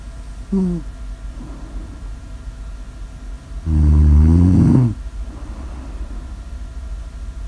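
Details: Snoring recorded as sleep ASMR audio: a softer snort, then a loud, low, rumbling snore on one inbreath, with quiet breathing between.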